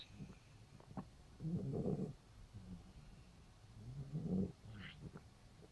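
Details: Female cat five days after laryngeal tie-back surgery, grooming herself; rough, low rasping noise with each breath, about two dozen a minute; noisy, obstructed breathing (stertor).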